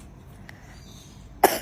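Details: Child's cough, blamed on often eating a certain food, with body temperature being checked; a plain cough.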